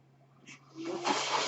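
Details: Sound of the speaker's own mechanical ventilator during recorded speech: a low steady hum, then a rising rush of hissing airflow as the ventilator delivers a breath.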